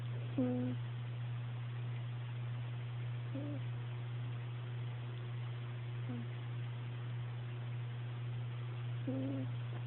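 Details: Sleeping kitten: faint squeaky, whistling sounds about every three seconds over a steady low hum: snoring.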